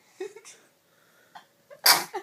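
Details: Infant almost 11 weeks old, held standing, sneezing: brief breathy build-up then one sharp, loud burst of air, a single sneeze.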